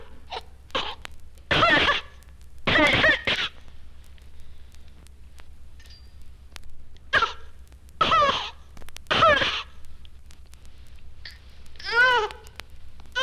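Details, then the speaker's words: Young infant with cystic fibrosis (chronic respiratory disease, malabsorption) whose short cries are broken by repeated harsh cough bursts; the baby cannot cry without coughing. "When it occurs early in infancy, the children often cannot cry without coughing."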